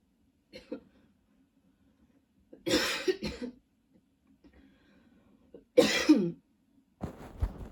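Clusters of harsh, forceful coughs in repeated spells with quiet breathing between; ongoing coughing fits.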